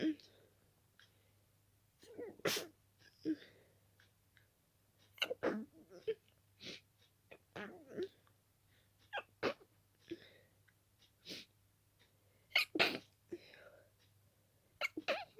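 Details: Itchy-nosed person with dust allergy: rapid run of wet, stuffy sneezes, some stifled, with barely a breath between them; an intense allergic sneezing fit.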